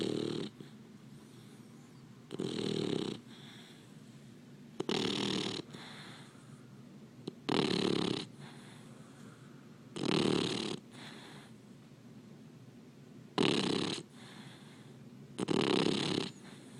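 Regular loud snoring breaths with a raspy, slightly whistling quality, about every two and a half seconds. Snoring in a sleeping puppy.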